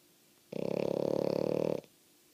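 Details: Female French Bulldog snoring loudly, though the owner says she is not even asleep: one loud, steady, fluttering breath with a rapid vibrating rattle, i.e. snoring.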